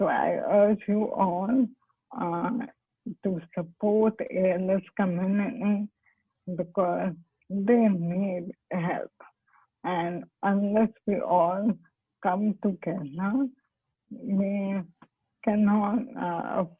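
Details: Dysarthria in ALS (motor neurone disease); the patient is a doctor who has ALS herself and attributes her impaired speech to the disease.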